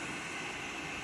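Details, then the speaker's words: A BiPAP machine is switched on with one button press, and a steady rushing hiss of air blows through the mask. Oxygen is not yet connected. The patient wears it overnight for about 9 hours. "Just push this button once, and that's going to start it. Okay. Okay? And now you feel there's air coming out. Right. That starts the Bipap."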